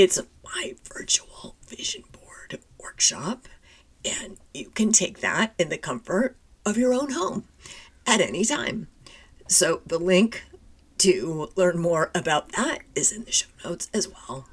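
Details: Adult woman with spasmodic dysphonia, which she calls a neurological condition. It is long-standing enough that talking this way has become her normal, and people often can't understand her on the phone; spasmodic dysphonia.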